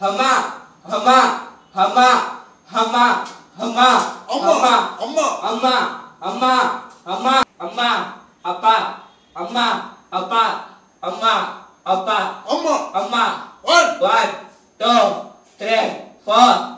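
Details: Young man with a high-pitched voice for 2 years, identified by pitch analyzer, counting and saying 'hamma' during a treatment session to lower his pitch; puberphonia.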